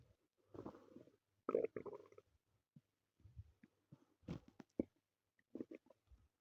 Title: my stomach growling (only audio)